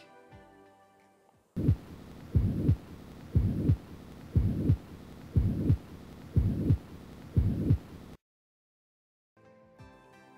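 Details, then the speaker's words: Stethoscope at the cardiac apex: regular heartbeat near 60 a minute with a steady, constant blowing murmur filling systole between S1 and S2; holosystolic murmur of mitral regurgitation. "holosystolic murmur so if you ever heard the word holosystolic in the exam it has to be one of those three it's a systolic murmur so it has to be between the first and second heart sounds and hollow means constant"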